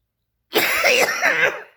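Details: Two short, voiced, throaty coughs from a young woman, acted rather than from illness.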